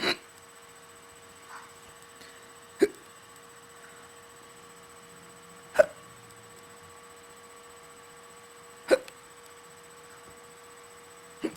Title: a bad case of the hiccups 3